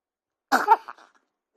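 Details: Infant sneeze: a single brief, sharp burst of air followed by a short trailing breath.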